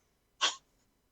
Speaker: Sorry if you guys could hear that. The cat's got the sneezes.